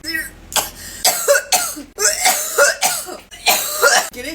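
Repeated harsh, partly voiced coughs in quick succession, a coughing fit after inhaling vapor.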